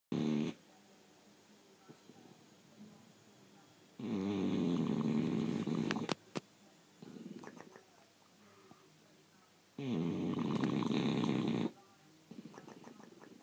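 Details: Loud, rattling inspiratory snores about two seconds long, with quieter snuffling breaths between them, from a sleeping bulldog: snoring.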